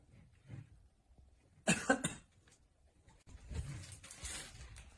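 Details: A short burst of two or three harsh coughs, followed by noisy rustling and breathing in a small room; coughing.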